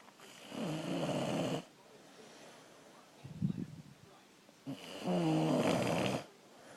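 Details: Snoring: two loud, low, rattling snores about four seconds apart with a softer breath between.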